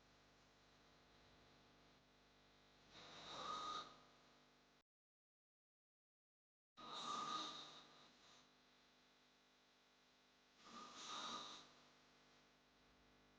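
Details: Sound-effect recording of hard snoring: three slow, noisy breath sounds about 16 a minute, with a brief silent gap; snoring.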